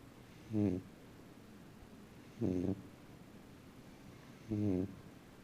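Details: Three evenly spaced, rough, buzzing snores about two seconds apart (roughly 29 a minute) in a quiet room: snoring during sleep.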